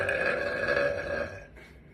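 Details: Young blonde woman burping on command: one long, loud, drawn-out voluntary belch fading toward the end.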